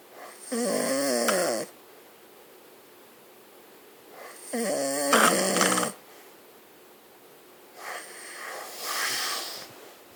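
Three rattling snoring breaths about every 3.5 seconds, roughly 17 a minute, in a quiet room.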